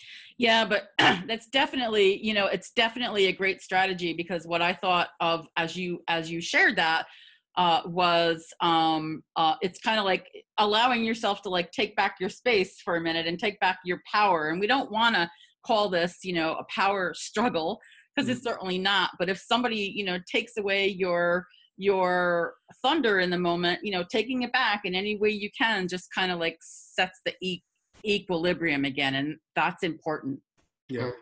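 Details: Stuttering in an adult woman who stutters; repetitions are audible.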